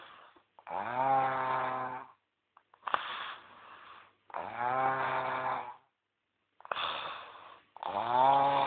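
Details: Loud, buzzing, tonal snores with each breath, about 17 a minute, with short snorts in between; strong snoring.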